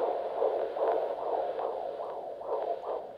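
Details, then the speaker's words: Normal fetal heart sounds heard on a fetal Doppler with coupling gel over the maternal abdomen in a demonstration: rapid rhythmic whooshing pulses at about 150 a minute, within the normal 110–160 range. "so we can see the display there so the fetal heart rate's normally between 110 and 160"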